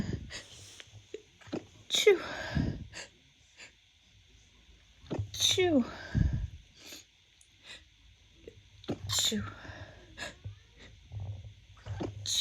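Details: Three forceful sneezes from a female about three to four seconds apart, each preceded by a sharp intake of breath, during the first spring 2024 pollen season: seasonal pollen allergy sneezing.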